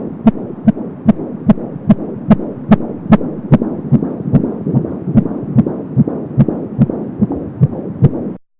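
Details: Fetal heartbeat at 17 weeks of pregnancy on an Angel Sounds home fetal Doppler, stated as 170 per minute: rapid, regular beat (about 145–150/min heard) over whooshing umbilical cord sound.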